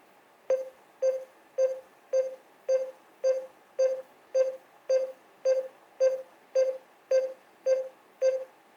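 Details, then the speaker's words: Simulated CPR on an XFT-120N AED trainer in CPR mode after a shock is delivered: steady electronic metronome beeps at about 110 per minute pacing chest compressions, before prompts to deliver breaths. "And it kind of gives you like a little metronome type thing in regards to how fast you should be pushing, and then it tells you to deliver breaths."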